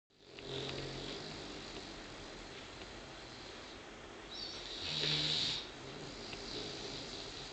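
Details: Tired puppy sleeping at lunchtime: steady hissing, wheezy breathing with a louder rattling snore near the end; snoring.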